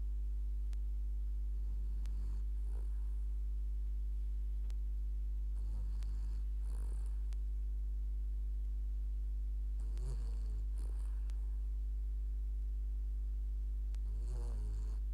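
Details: Sleeping dog: soft, low, rumbling breaths about every four seconds, roughly 15 a minute, over a steady low hum; snoring.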